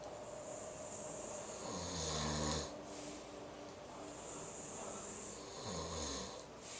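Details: Two nappers sleeping together, with low, rattling snores on the in-breath separated by quiet breathing over a steady room hiss: snoring.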